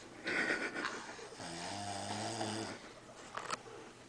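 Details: Dad snoring while napping with his 4-month-old baby: a rough breath followed by a long droning snore lasting over a second, in a quiet room; ordinary adult snoring.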